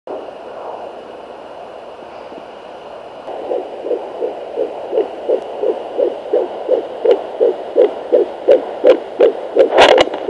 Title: baby's heartbeat 10 weeks